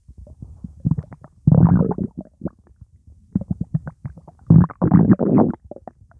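Loud bursts of low bubbling and gurgling, fluid moving through the gut, ordinary stomach rumbling.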